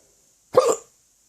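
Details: Hiccup from a drunk person: a single short, abrupt voiced hiccup against a faint, steady high background tone.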